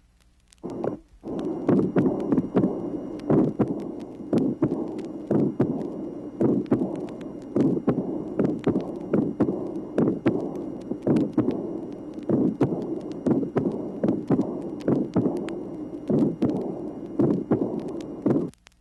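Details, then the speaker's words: Teaching heart recording from 1967, tracing 27: irregular heart sounds with a mid-systolic pulmonary ejection murmur, systolic ejection click, split second sound and diastolic murmur of pulmonary insufficiency (regurgitation). "tracing number 27 mid systolic pulmonary ejection murmur systolic ejection click split second sound diastolic murmur of pulmonary insufficiency"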